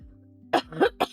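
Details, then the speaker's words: A few short, hoarse throat-clearing coughs over soft background music; mild lingering cough in an adult recovering from illness and still very tired. "I've still got a bit of a cough as you can hear. I'm still very, very tired, but I figured we'd try."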